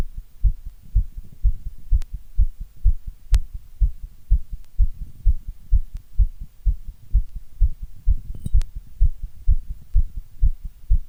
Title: Heartbeat sound ❣️